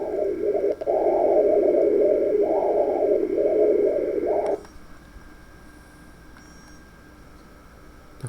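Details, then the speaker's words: Hepatic vein spectral Doppler audio in a patient with liver cirrhosis: steady whooshing venous flow with only faint pulsing, systolic and diastolic components not identifiable, atrial contraction barely seen; dampened monophasic hepatic vein flow. "entonces acá si vemos cambios significativos a nivel de la hemodinámica por en este paciente con cirrosis hepática no y te rogamos otra avena y vemos que la onda monofásica es mucho más pronunciada no se pueden identificar los componentes adecuadamente"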